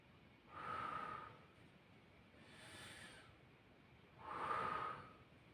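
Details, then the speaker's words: Nursing student demonstration, stethoscope auscultation of posterior thorax while patient breathes in and out through mouth: two slow, deep breaths, smooth airflow without wheeze or crackles; normal breath sounds. "i'm now going to proceed to the auscultation of your posterior thorax okay so this is done to assess the airflow from your air passageways"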